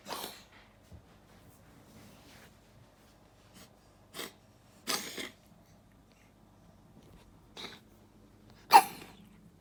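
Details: Dog coughing while playing: several short, sharp, hissing bursts separated by quiet, possibly mixed with sneezes or snorts. Animal cough.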